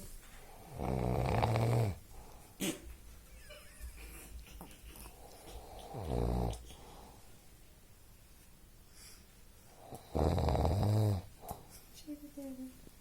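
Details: Sleeping dog giving three deep, fluttering snores, with quieter breathing and faint room sounds between them; snoring.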